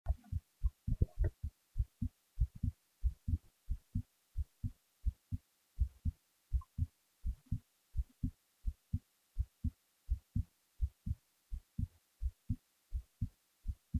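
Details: Heartbeat recorded while falling asleep: steady low paired lub-dub beats at about 80 a minute, resting rhythm; normal heart sounds.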